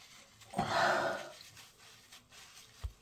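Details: Dog sneezing once, attributed to pollen: a single sharp, breathy sneeze-like burst, then quiet room noise.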